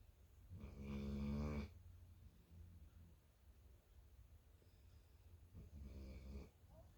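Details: 11-month-old infant snoring: two loud, rumbling, buzzing snores a few seconds apart with quiet breathing between them.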